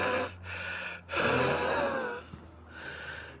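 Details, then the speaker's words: Adult former 9/11 Staten Island landfill recovery worker, on many medications and three inhalers, increasingly winded while talking; heavy, effortful breaths with a thin musical whistle woven through them; wheezing. "You got to take that thing off, catch some air, because you can't breathe right with those things on you. Itch. You got to go like this. The stuff gets on you. As you can hear me wheezing."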